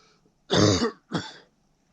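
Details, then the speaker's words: Adult with a chesty cough nine days in, on antibiotics, coughing about every five minutes, especially when moving and talking: two harsh, loose cough bursts; productive (wet) cough. "and that's the kind of cough i've been doing and i don't know every five minutes especially when i move and talk a lot"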